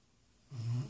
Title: Brutus snoring